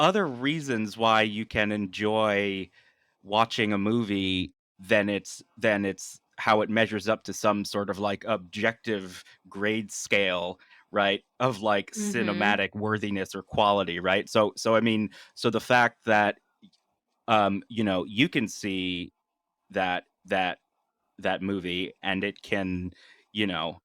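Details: Adult man with lifelong stuttering, speaking naturally in conversation, with part-word repetitions and fillers; stuttering.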